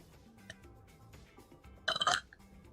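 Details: A single short, loud burp from a female streamer stands out against quiet room noise and faint music.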